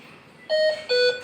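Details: Hamilton C-3 ventilator: two clear electronic tones, one higher then one lower, an apnea alarm as the machine switches to backup breaths when the patient does not reach spontaneous breathing.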